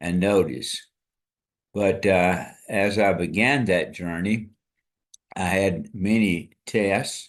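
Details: Adult man with amyotrophic lateral sclerosis diagnosed February 2024 after earlier diagnoses of Parkinsonism, Parkinson's disease, spastic paraplegia and primary lateral sclerosis; he states his walking and speech are failing; dysarthria (ALS).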